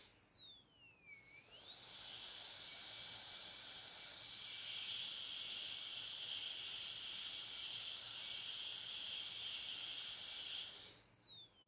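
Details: High-speed dental drill whine spinning up, held about nine seconds, winding down; flat tapered burr finishing tooth 46 proximal and other surfaces to an even shoulder finish line, metal-ceramic posterior crown preparation demonstration.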